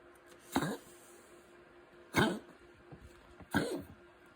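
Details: Cough.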